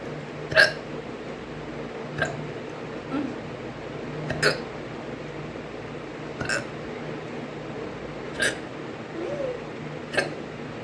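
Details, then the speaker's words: Hiccups at 6 a.m. while a woman is going to brush her teeth: about six short, sharp hiccups roughly every two seconds over a steady background hum. "और मैं ब्रश करने जा रही हूँ और सुबह के बज गए हैं 6। अरे सुबह सुबह हिचकी।"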